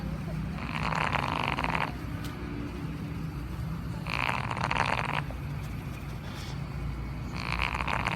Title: Snoring dog while sleeping